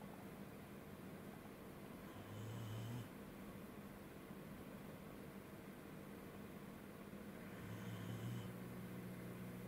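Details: Sleeping corgi dog snoring: two low, droning snores about six seconds apart over steady room hum; the owner wonders whether hay fever is the cause.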